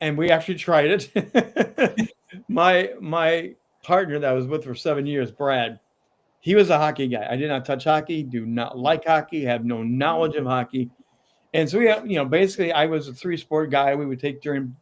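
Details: Adult man with a lifelong stutter, still present at times; word repetitions such as "I I I"; stuttering.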